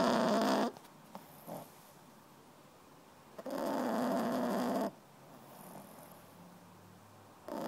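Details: 3-month-old female French Bulldog puppy asleep after playing all day, snoring with two low, rumbling snores and quiet pauses between.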